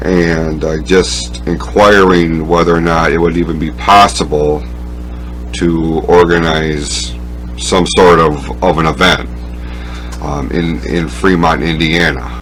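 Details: Speech impediment of unnamed type in a man, who must concentrate on his speech on the phone and avoid noise; speech impediment (stuttering-like disfluency).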